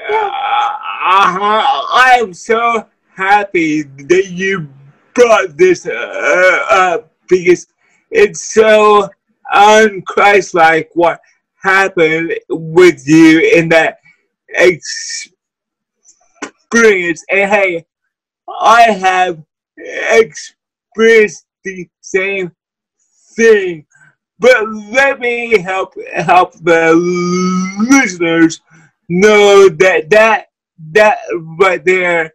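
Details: Dysarthria in a guest with cerebral palsy who uses a wheelchair.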